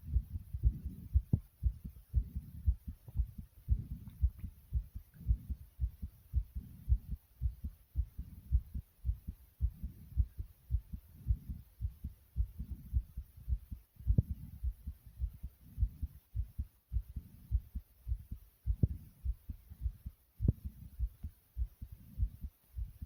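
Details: Heartbeat after air boxing exercise: fast, strong low thumps at roughly 110 beats a minute, a quickened rate after exertion.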